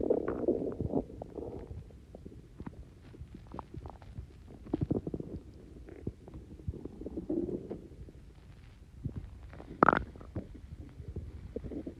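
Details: Stomach growling (borborygmi) after drinking Coke with Mentos: low gurgling, bubbling rumbles with scattered pops from gas moving through the gut.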